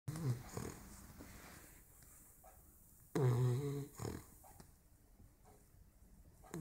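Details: 16-week-old bulldog puppy snoring: two low, rattling snorts a few seconds apart over quiet room noise; snoring.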